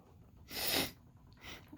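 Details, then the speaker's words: Man with glioblastoma (brain cancer) sneezing: a single forceful sneeze followed by a softer breath or sniff; he reports the sneeze is very painful, and that breathing and talking hurt. "oh man oh well that's a good experience oh man that's a painful sneeze"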